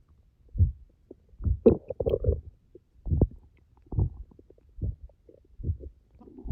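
Low gurgling rumbles in irregular bursts with gaps between them: ordinary stomach growling on an empty stomach.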